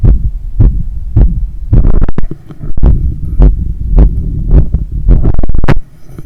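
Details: Adult's heart sounds recorded after running 10 km and climbing 15 floors of stairs; strong, fast, regular thumps about 105/min with audible breathing, a normal heart working hard after exercise.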